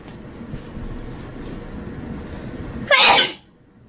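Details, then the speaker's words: Person sneezing repeatedly, feeling a tickle as if fuzz is in the nose: after a low background rumble, one sharp, loud, explosive sneeze that stops abruptly. "Oh my god, guys. There has to be a fuzz in my nose. It keeps sneezing and my nose keeps tickling."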